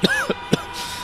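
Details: Three short, harsh cough bursts from an adult man, a traffic policeman exposed to traffic for 10 years, in an acted lung-attack awareness ad with music: simulated smoker's chronic cough.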